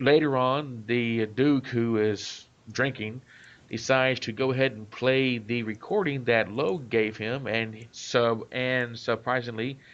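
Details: Adult male self-described stutterer; part-word and whole-word repetitions; stuttering.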